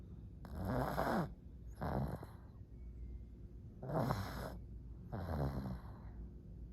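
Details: Pug dog snoring: loud, rattling snores with breathy noise on each breath, four in under seven seconds.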